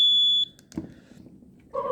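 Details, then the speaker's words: Steady high-pitched electronic alarm tone lasting about half a second, then a second tone, from a Zoll EMV Plus ventilator during settings demonstration (volume control, SIMV mode). "Importantly, any alarms on this ventilator, you can silence those by hitting that red X button."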